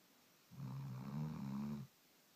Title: Snoring